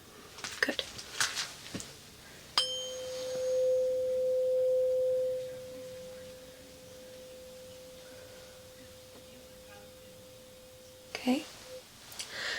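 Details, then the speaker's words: Simulated ear exam in an ASMR role play: a tuning fork struck with a small mallet rings as a pure, steady tone that slowly fades over several seconds, with faint handling sounds, to check hearing on each side. "And I have this little baby mallet, and I'm going to pop the side of the tuning fork. Perfect. We're just going to see how well you can hear it."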